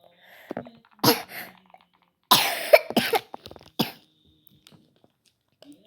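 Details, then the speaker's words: A child home sick from school with a phlegmy cough, mild since Sunday and now worse, gives a few harsh, irregular coughs with throat clearing: a wet, productive cough. "Kali ini aku enggak sekolah soalnya sakit batuk berdahak kayak kemarin tuh."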